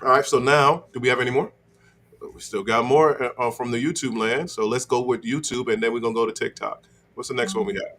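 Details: Adult male speaker; normal fluent speech.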